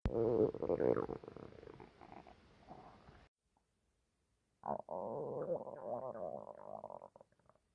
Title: Male stomach growling - on TikTok